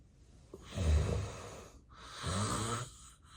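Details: Two loud, rough, low-pitched snores in quick succession during a real, unplanned nap by an adult with severe obstructive sleep apnea, with heavy breathing and apnea pauses: snoring in obstructive sleep apnea.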